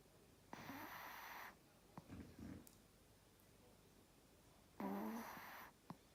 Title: #APAO So Cute. Rita Falls Asleep In My Hand And Snores!